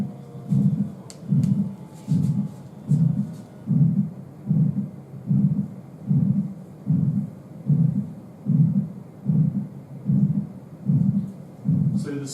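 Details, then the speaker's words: Lecture demonstration of an aortic stenosis murmur: a regular heartbeat near 75 a minute with a long, rough whooshing sound filling each beat, from turbulence as blood is pushed out through the aortic valve. "so aortic stenosis that's what it sounds"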